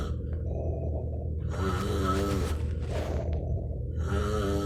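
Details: Adult man (stepfather) asleep at 1am, no breathing equipment: loud, rough, rattling snores with quieter breathing between, in a small room; heavy snoring.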